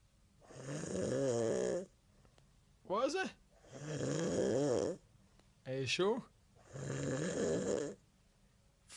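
Loud, rough, buzzing snores about 20 a minute, each followed by a short whistling outward breath. Heavy snoring.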